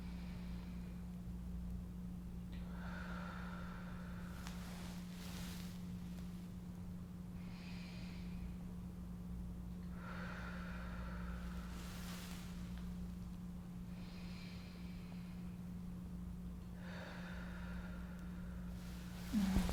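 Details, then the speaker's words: Real-person practice physical exam: lungs auscultated with a stethoscope while the person breathes, giving soft, even breaths about every four seconds with no crackles or wheeze; normal vesicular breath sounds. "Good. I wasn't able to hear any crackles or any (inaudible) releasing and just normal vesicular breathing"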